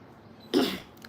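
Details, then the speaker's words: One short, harsh cough burst against quiet room noise, in an adult with a cold and a hoarse voice; cough. "आज आवाज बसलाय म्हणजे खोकला झालाय थोडा त्याच्यामुळे बोलता येत नाही पण तुम्ही कमेंट करा तुमच्या कमेंटचा उत्तर नक्कीच देईल"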